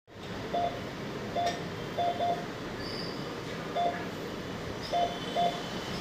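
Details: Pulse oximeter used on a cardiac monitor, showing only pulse rate and oxygen level: short electronic beeps at irregular-sounding intervals over a steady room hum, tracking the pulse.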